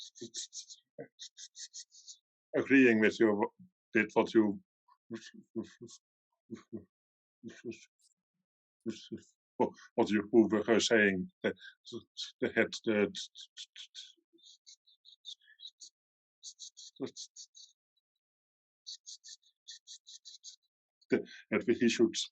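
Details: Adult man from the Netherlands who stutters, speaking on an international stuttering awareness panel, with long pauses and blocks; stuttering.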